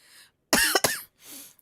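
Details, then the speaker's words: Girl with a cold and persistent cough, asked about phlegm: two sharp, harsh cough bursts in quick succession with soft breathing before and after. "지금 기침만 안 나면 괜찮은데 기침이 진짜 거의 파를 차지하고 있기 때문에 더 붙잡으면 생존도 못할 것 같다"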